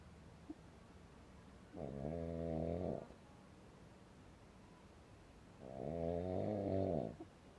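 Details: Snoring at 12:30 at night at a mountain campsite: two drawn-out, rattling snores about four seconds apart, with quiet breathing between; ordinary snoring in sleep.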